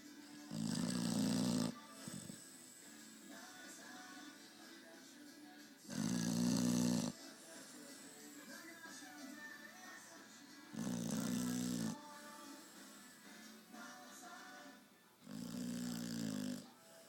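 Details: Beagle asleep in his chair: four loud, rough snoring breaths about every four to five seconds, with quieter breathing and faint background sound between; snoring during sleep.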